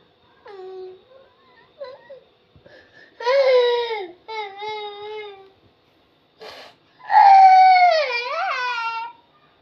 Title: baby crying sounds 😭😢 baby crying funny videos🤣😭😭😁